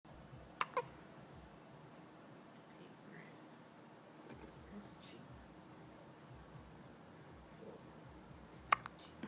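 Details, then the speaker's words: Female with hiccups that began while she was yawning, described as bad: a few sharp, brief hiccup sounds spaced apart in a quiet room; hiccups. "Look at the hip-ups. You got them bad. She got the hiccup while she was yawning."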